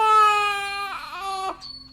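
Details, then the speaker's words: Very small infant lying on a parent's chest, possibly hungry, gives a sustained high-pitched wailing cry that breaks briefly, then resumes before trailing off: infant crying. "I did hear the question. I just have a crying baby on my chest."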